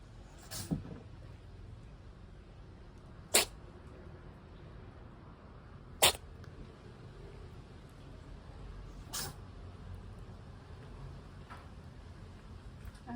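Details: Mother cat: four short, sharp sneezes a few seconds apart over quiet room noise; repeated sneezing.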